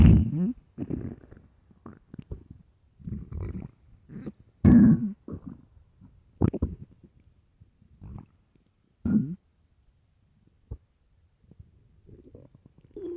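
Irregular low gurgles, rumbles and squeaky grumbles with quiet gaps between them. Stomach growling from an empty stomach, a normal hunger sound.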